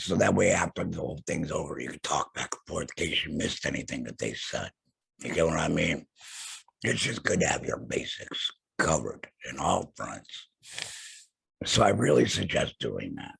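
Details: Adult male laryngectomee after throat cancer, vocal cords removed; alaryngeal speech after total laryngectomy.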